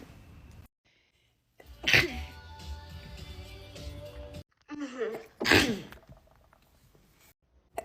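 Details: A woman sneezing into her elbow, from a compilation with added sound effects: two sharp sneezes over background music.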